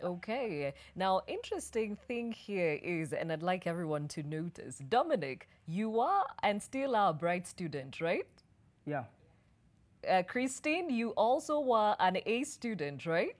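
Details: Adult female speaker; fluent speech.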